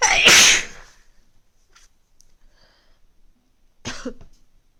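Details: One loud explosive sneeze, then quiet, then a softer second sneeze, from a person feeling a cold coming on for the first time in months.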